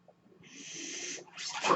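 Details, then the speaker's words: Mechanical ventilator that a podcaster says is his own, audible during his recording: a steady airy hiss, a brief pause, then a louder rushing puff as a breath is delivered, one breath cycle. "My name is. That noise you're hearing is my ventilator. And welcome to Page Turners They Were Not, my Star Wars podcast."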